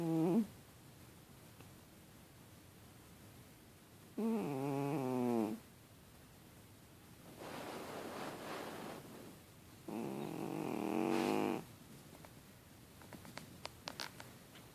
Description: My cat is making funny squeaky noises with his nose I think it was the way he had his paws over his face.